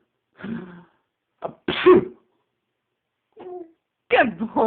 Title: the first sneeze